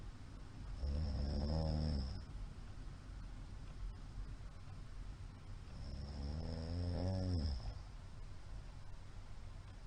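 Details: Loud, low, rattling snores on inhalation about five seconds apart, with a steady background tone; a middle-aged man snoring, recorded 28 March 2022.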